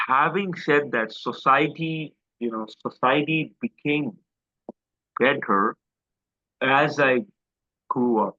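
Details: Adult man with a self-described quite severe stammer since school days, speaking in an interview; stuttering.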